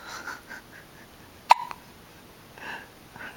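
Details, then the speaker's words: Infant with hiccups, waiting for milk until they stop: one sharp, abrupt hiccup, a sudden catch of breath with a short voiced click, between quiet breathy sounds. "Okay, we'll wait a little bit until your hiccups go away."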